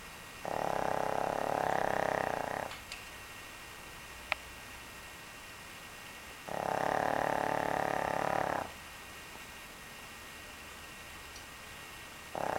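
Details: Person snoring: loud, steady droning snores lasting about two seconds each, separated by quiet pauses, roughly nine breaths a minute; ordinary snoring.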